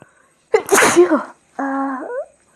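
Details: One ordinary sneeze during a sneezing challenge: a short in-breath, then a sharp explosive sneeze, followed by a brief voiced sound.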